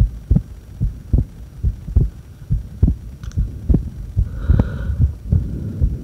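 Low, muffled heartbeat thumps at about 70 a minute over a steady hum, recorded while the breath is held.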